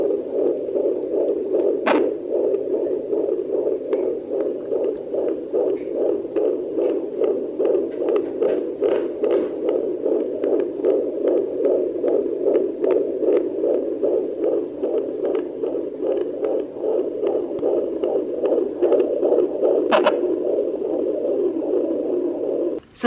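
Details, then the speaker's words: Fetal heartbeat of a baby girl at 19 weeks of pregnancy, heard with an at-home fetal Doppler: fast, regular whooshing pulses at about 150 beats a minute, within the normal fetal range. "if you follow me on instagram you guys know that i have been listening to baby girls heartbeat very often with a fetal doppler and at home fetal doppler"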